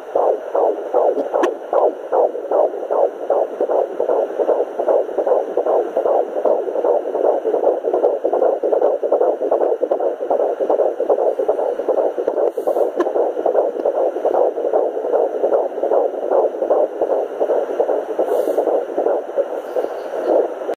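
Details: Rapid regular whooshing fetal heartbeat near 154/min, found for the first time with a Sonoline B handheld fetal Doppler at 13 weeks 5 days pregnant with a third baby.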